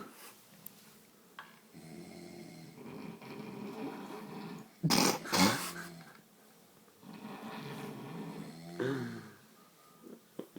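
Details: A college couple asleep after a night of drinking give several rough, rumbling snores of varying loudness, some overlapping, in a quiet room: snoring.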